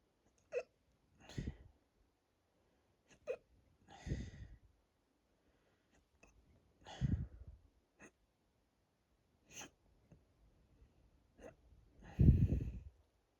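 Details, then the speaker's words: Hiccups induced by drinking lots of water; the bloated, tight stomach makes them quieter, and they are hurting the chest and throat. Sharp, brief catches every few seconds, each followed by a dull jolt, about a dozen in 13 seconds. "Anyway, focus and be silent for a little bit. Well, as silent as I can be with hiccups."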